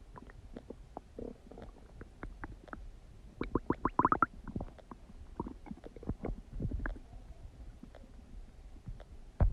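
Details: Frequent gurgling, bubbling abdominal noises with a burst of rapid gurgles; ordinary active bowel sounds (borborygmi) of digestion.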